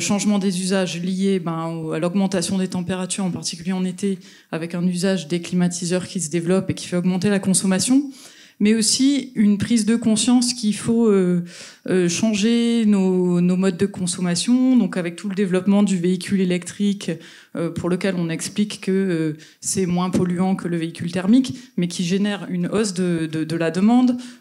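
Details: Adult speaker; normal voice.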